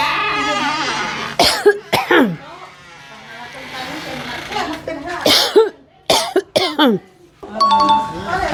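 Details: Person coughing: several short, sharp coughs in two groups over background music and some voices.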